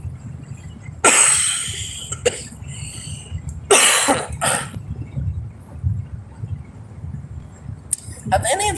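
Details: Adult with a COVID-19 infection coughing in a moving car: several short, harsh, dry cough bursts over steady road noise, without wet rattle.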